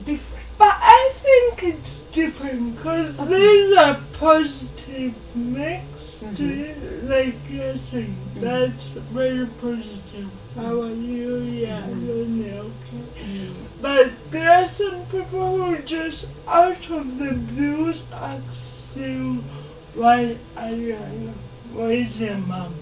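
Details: 27-year-old woman with lifelong cerebral palsy, dysarthria; she can speak but listeners are asked to give her more time.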